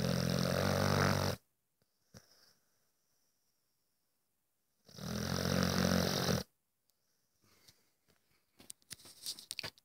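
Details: Sleeping dog snoring loudly: two loud, rough, rattling snores with quiet pauses between; snoring.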